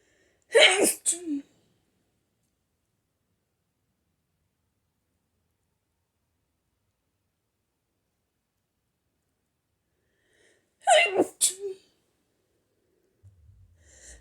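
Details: A person with hay fever sneezes violently twice, about ten seconds apart; each sneeze is an explosive quick double burst. Sneezing.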